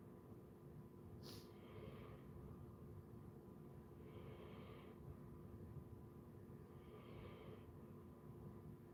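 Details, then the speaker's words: Three sleeping Basset Hounds snoring and breathing hard. "Wow, breathing hard. Man, listening to them snoring to make you want to fall asleep."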